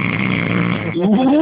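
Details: Person snoring after a night out: a brief, rough, low rattling snore ending in a rising, voice-like tone.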